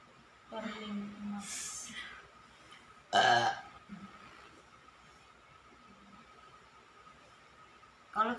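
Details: Woman burping loudly and repeatedly during a massage, linked by the speakers to trapped wind ('masuk angin') and stomach discomfort: loud belches, one very forceful, among murmured talk and a steady hum.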